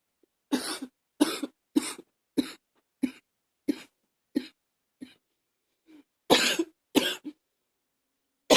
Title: #38 simply coughing